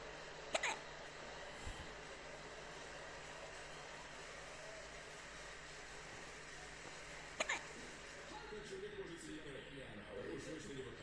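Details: Baby hiccups, recorded 23 Feb 2023: two brief, abrupt hiccups several seconds apart, with soft room noise and faint background voices.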